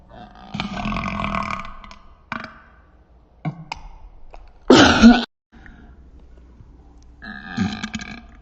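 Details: Part of a burping session lasting 1 minute 49 seconds: several loud, drawn-out throaty burps separated by short pauses; repeated belching.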